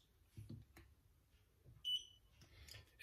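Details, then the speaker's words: Infrared forehead thermometer held to the forehead, reading 36.2: a single short high electronic beep amid faint handling noise as the reading completes. "ven't tried it enough yet but if I report this to my room to my forehead when he beeps and it tells me 36.2"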